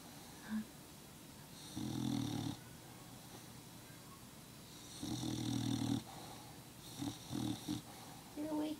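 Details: Small dog asleep in owner's lap snoring: repeated buzzing nasal inbreaths, two long ones then shorter snorts, over quiet room noise.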